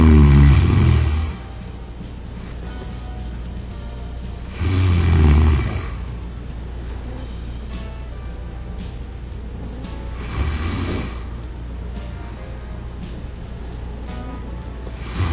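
Three loud, low, rumbling breaths at slow, uneven intervals over background music; snoring from vibration of relaxed airway tissue during sleep.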